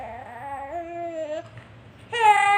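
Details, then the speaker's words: Infant who has a fever, cough and runny nose: a short, whimpering cry with a steady wavering tone that pauses and then rises louder again; a fussy cry. "Kok nangis?"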